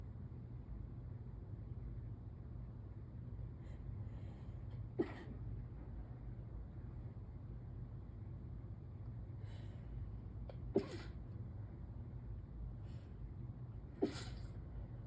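Three brief, muffled sneezes held back over steady low room hum, consistent with stifled allergy sneezing.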